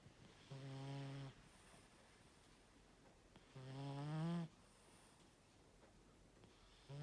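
A sleeping cat snores with low, buzzing breaths in, about one every three seconds, quiet between breaths; ordinary snoring.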